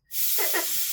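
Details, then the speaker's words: Short, steady hiss of air and water spray from a dental air-water syringe, demonstrated to a young boy in the dental chair before his routine cleaning to make him comfortable. "Oh, did you know this water gun has air too? Look, it's got a lot of wind. All right, let's spray."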